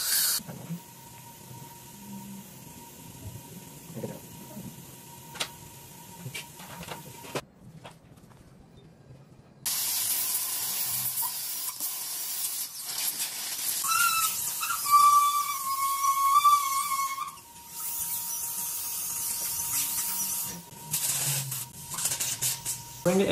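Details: Dental instruments during a root canal on a patient with an active abscess, Guyana: hissing water spray and suction noise with a steady high tone and a brief drill whine.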